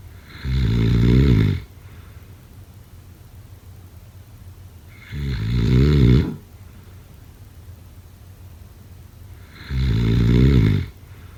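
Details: Three deep, rattling snores at about 13 per minute, with quiet breathing between them: snoring.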